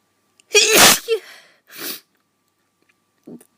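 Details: High-pitched sneeze with quick inbreath and softer follow-on burst, amid coughing; person feels run down, has constant coughing and chest hurting, doesn't think it's a cold or infection.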